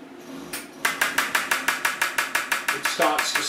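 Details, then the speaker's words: Rapid, regular sharp tapping pulses, about three per second, from an extracorporeal shockwave therapy machine, switched on before treating Achilles tendinopathy and set to a higher pulse frequency. "so i'm going to pick um a fairly low frequency and you can hear that a little bit like a drum if i pick a higher frequency"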